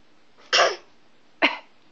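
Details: Imitated cough: a young child gives two short, forced cough bursts for laughs, a playful fake rather than a real cough.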